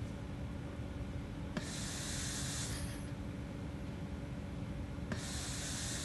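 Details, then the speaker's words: Prototype Oxford/King's College Covid-19 ventilator compressing an ambulance bag in a box on 4-bar air via a solenoid valve, tidal volume cut from 450 to about 400, I:E ratio 1:2: rhythmic hiss with a click each breath, about 17 a minute. "we push the button to set it and that is reflected here as we can see now the bag is compressed less and the lungs inflate less"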